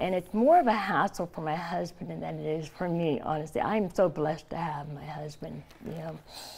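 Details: Adult woman, stage 4 epiglottis cancer (2009) treated with surgery, chemotherapy and radiation; tracheostomy after scar-tissue airway closure, thumb-occluded stoma; partial glossectomy for tongue cancer; no teeth or saliva glands; tracheostomy speech with articulation changes.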